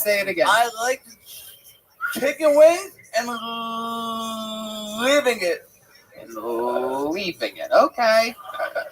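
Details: Stuttering in a male guest whose stutter comes and goes; he says he does not stutter in his dreams.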